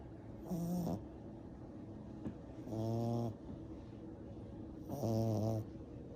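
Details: 10-week-old black and brindle French bulldog puppy asleep: short, tonal, whistling snores about 26 a minute over light room noise; snoring.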